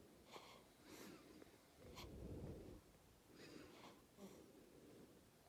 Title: Princess Snoring